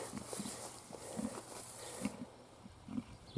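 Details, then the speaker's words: Sick, thin calf outdoors, still gurgling after earlier green chin as if bringing up food, though it gets up and walks; repeated low grunting, effortful breaths and a cough; labored breathing. "probably hear it breathing there we go there's a cough come on buddy get up yeah I don't know it seems to be getting a little bit better but not very much"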